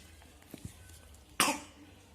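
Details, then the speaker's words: Child who is sick with a cough and taking medicine: a single sharp, harsh cough burst after a few soft throat sounds; an ordinary cough. "lagi sakit batuk."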